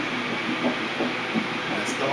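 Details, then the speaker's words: Fetus at 10 weeks 5 days, first prenatal visit: soft, rapid rhythmic whooshing pulses through steady hiss, a normal first-trimester fetal heartbeat on Doppler ultrasound. "the heart beating. That's exciting."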